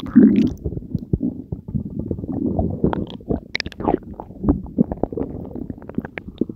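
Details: Stomach after swallowing Diet Coke and Mentos: continuous low gurgling and bubbling with frequent squelches and pops, active borborygmi of digestion.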